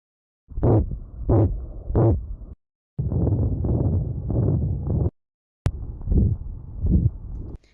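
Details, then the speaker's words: Soft, regular low thumps of a dog's heartbeat auscultated with a stethoscope over the right hemithorax at the tricuspid valve area, 4th–5th right intercostal space; normal heart sounds. "En el perro encontramos una sección clínica importante, ya que el sonido de esta válvula abarca una zona más amplia debido a su conformación torácica, y la auscultamos con total precisión entre el cuarto y el quinto espacio intercostal derecho."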